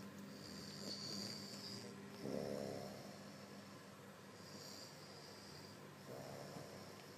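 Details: A person snoring: two soft snorting snores about four seconds apart over background hiss and a faint whistle.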